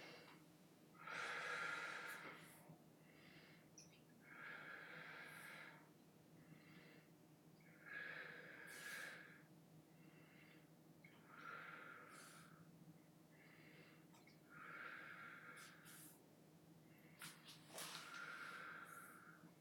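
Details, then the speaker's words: Pulmonary assessment demonstration, stethoscope diaphragm on the chest in a ladder pattern, patient taking deep breaths through the mouth: slow breaths about 18 a minute, smooth in and out, no added sounds; normal breath sounds. "the end of the precaution again I am supposed to hear resonant sounds which are completely normal then I'm going to auscultate in the same ladder pattern I'm going to ask my patient that every time I toss you with the stethoscope you're going to take a deep breath in and out through your mouth okay take a deep breath"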